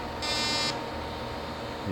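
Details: Fractional laser fires during live resurfacing of a patient's neck with hypopigmented skin, at slightly smaller spacing, small-dot 0.3 mm channels: a half-second high buzzing tone over steady machine hum.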